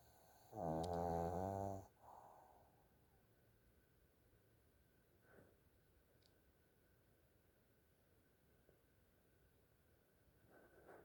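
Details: Pug, sleeping: one loud, rattling, buzzy breath early on, then quiet breathing; snoring, noted as unusual for this pug.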